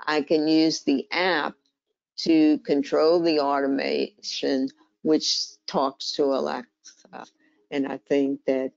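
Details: Adult woman diagnosed with primary lateral sclerosis, a slower-progressing condition closely related to ALS, with a weakening hand, increasing walking difficulty and a changed voice; dysarthria (primary lateral sclerosis).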